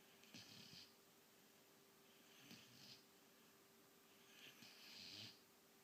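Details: White German Shepherd puppy, 17 weeks old, sleeping: soft, hissy snoring breaths about every two seconds, faint steady room hum.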